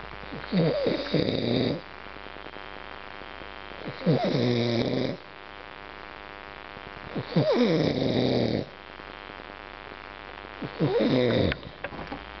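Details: Man snoring loudly enough to wake his roommates: rhythmic fluttering snores with a soft wheezy whistle, about four breaths in 12 seconds, over a steady background hum.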